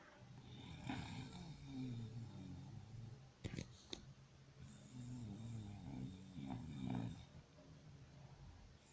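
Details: Sleeping dog snoring: low, fluttering snores on slow breaths, with a few sharp clicks between them.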